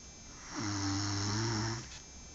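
A single low, buzzing snore on the in-breath, lasting over a second: typical snoring from vibrating soft tissue in the throat.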